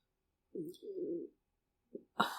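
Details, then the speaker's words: Snoring from Barley, a 10-and-a-half-year-old dog asleep under a desk after five hours at doggy daycare during a heat wave: soft, low rattling snores, a short and a longer one, then a brief snort. "you can hear her snoring so it's cool she had a a rough y'all rough rough rough 5 hours at Doggy Daycare"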